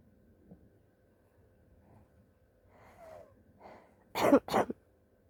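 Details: Person sick with flu, living off grid in a tent: quiet breathy build-up, then two sharp, explosive sneezes close together near the end, faint steady room hum behind; sneezing.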